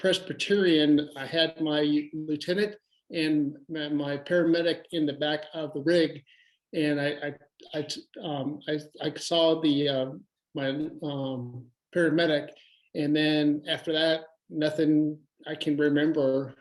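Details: Adult male stroke survivor with aphasia after his second stroke, with difficulty reading, writing and talking that is improving; aphasia.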